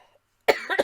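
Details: Adult painter coughing while talking during a painting session, then needing to catch breath: a short double cough after a brief pause, with a rough, throaty edge.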